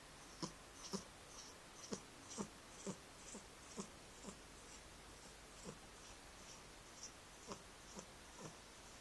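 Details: 11-month-old cat asleep curled in the owner's arms: quick, soft snuffling snorts about twice a second in a quiet room; light snoring.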